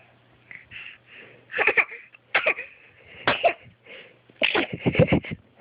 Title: sneezing!